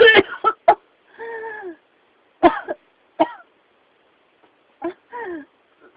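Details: Persistent cough, possibly pneumonia: repeated harsh cough bursts in clusters, each followed by a drawn-out voiced groan.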